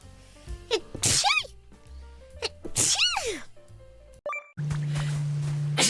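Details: Sneezing from a VTuber livestream highlight clip: two high-pitched sneezes, each a sharp burst with a sliding vocal squeak, over background music and room noise.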